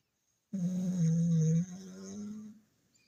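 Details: Pet dog sleeping in a quiet room gives a single loud, low, droning snore: dog snoring.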